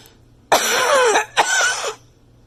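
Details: A cat with an upper respiratory illness gives two harsh, wet-sounding cough bursts, each with a raspy voiced edge.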